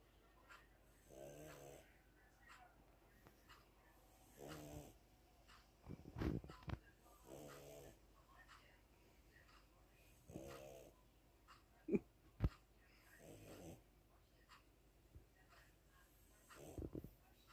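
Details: Sleeping cat snoring: soft, buzzing snores at regular breaths, about six in seventeen seconds, with a few faint clicks in a quiet room.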